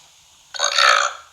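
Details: A man burping: one loud, rough burp lasting about half a second after quiet, a single belch.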